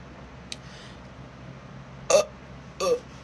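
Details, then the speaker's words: Woman burping deliberately: two short, loud, throaty bursts after a faint click over quiet room noise; voluntary burping. "so I'm going to try to show you how like I do the burp so I start with like sucking in air so like when I do it I go like"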